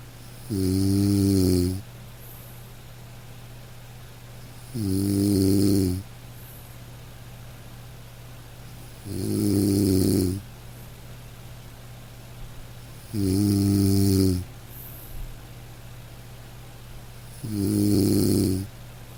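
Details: Five slow, even, low rumbling snores, about 14 a minute, from a sleeping dog over steady soft rain; gentle ordinary sleep snoring.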